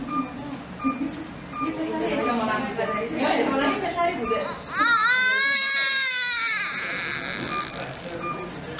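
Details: Newborn baby girl in hospital, first minutes after birth: strong, high-pitched wailing first cry with room talk nearby; normal vigorous newborn cry.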